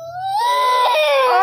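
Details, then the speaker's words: Baby boy crying: a short, rising wail with a clear crying pitch, building from a whimper; ordinary infant crying. "ओ बेटी ले जाओ ले जाओ, रो रहा है, रो रहा है, सच में बहुत रो रहा है यार।"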